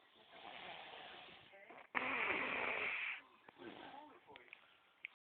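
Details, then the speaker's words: Snoring comparison between a little brother and a cousin; harsh, hissy breathing noises in bursts, one loud rasping stretch near the middle, with faint voices; snoring. "You about to be introduced of the snoring."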